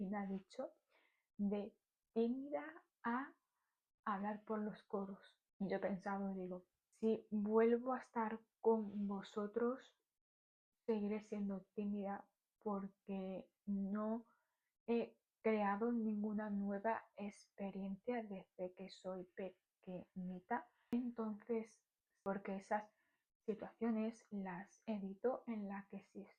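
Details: Stuttering in an adult woman speaking Spanish.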